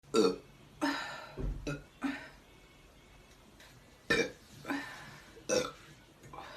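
Several short, voiced burps in quick succession, each a brief gurgling croak followed by quiet; ordinary belching.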